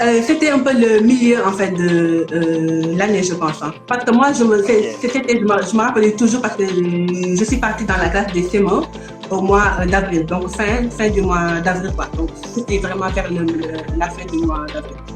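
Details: Adult woman from Senegal now living in France who has a stutter; stuttering.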